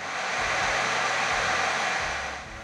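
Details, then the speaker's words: Negative pressure machine in an emergency department room prepared for COVID-19 patients, pulling air out and venting it through the window: loud steady rushing hiss. "you can see behind me the negative pressure machine this machine is designed to pull all of the virus out of the air and vent it out the window this is to prevent the spread of covid19 from patients who are sick with it the machine is loud"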